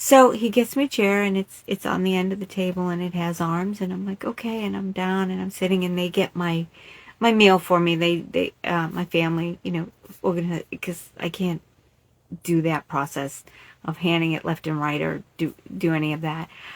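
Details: Adult woman in recovery from an ischemic stroke in March 2020, diagnosed with aphasia and also mentioning dysarthria, in unedited live conversational speech; aphasia.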